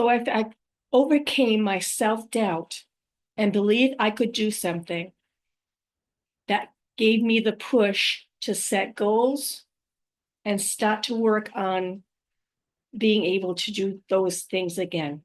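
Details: Adult woman with post-stroke aphasia, also apraxia of speech and dysarthria; unedited speech with mistakes, pauses and word trips, recorded on a good day before fatigue.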